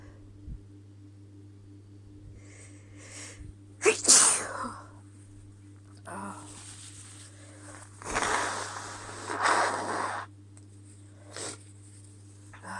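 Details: Female with repeated hitching sneezes, some preceded by a catching intake of breath, over a steady low hum; sneezing.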